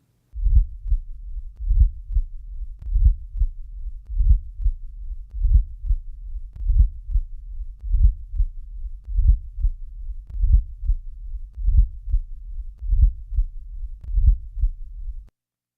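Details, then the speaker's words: Late diastolic (presystolic) murmur heard with the bell held lightly: low-frequency rumble in late diastole, synchronous with atrial contraction and running into S1. It usually forms part of a mitral or tricuspid stenosis murmur. "This murmur is low in frequency and rumbling in quality. It is best heard with the bell lightly held."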